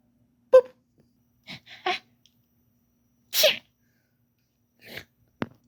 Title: a wolf pup's sneezes.